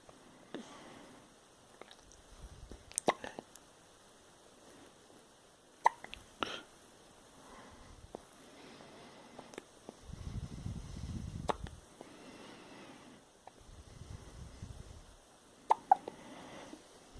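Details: Several short, abrupt hiccups spaced irregularly over quiet room noise.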